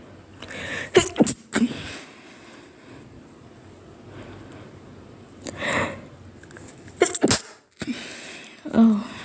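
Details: Sneezes with a pinched nose: several sharp, explosive bursts of air, each preceded by a brief intake, in a quiet room.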